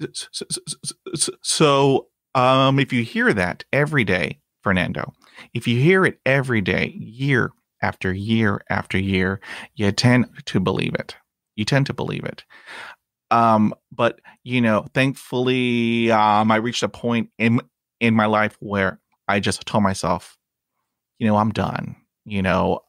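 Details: Adult man who stutters, a podcast host; he reports blocks and repetitions in his own speech; stuttering.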